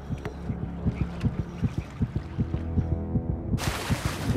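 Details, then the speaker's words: Recorded electronic heartbeat played underwater to test shark attraction, the faster panicky version: fast, regular low muffled thumping, with music and a hiss at the end. "Now, we're going to try with the faster, more panicky heartbeat. Kind of like mine right now."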